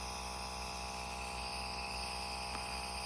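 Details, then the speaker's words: Portable nebulizer for kids and adults, just switched on, running: steady mechanical hum and whine of the compressor, with a faint click near the end. "So this is, I'm just starting the unit on and off button, and you can see the nebulizing vapors."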